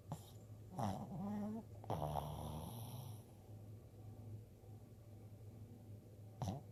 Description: Adorable dog twitches in sleep and snores obnoxiously.